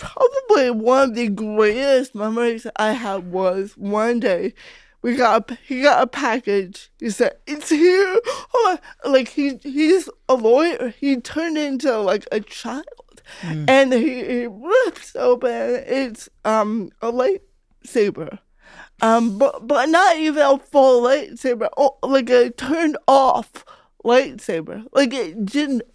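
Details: Adult female comedian with cerebral palsy, real conversational speech; dysarthria (cerebral palsy)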